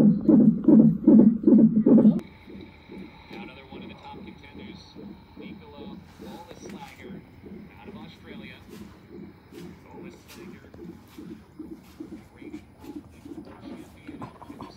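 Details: Rapid regular whooshing pulses, about 150 a minute, from a hospital fetal monitor on a mother in labor with days of consistent painful contractions: normal fetal heart rate, monitor tones and room noise behind.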